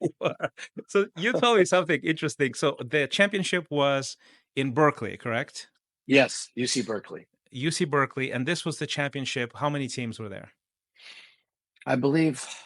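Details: Two adult men in conversation; Normal conversational speech.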